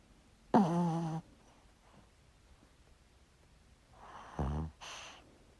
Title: Small Dog Snoring Sound Effect